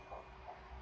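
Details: Quick, muffled whooshing pulses of a fetal heartbeat, roughly 160 beats a minute, heard on ultrasound in a doctor's exam room.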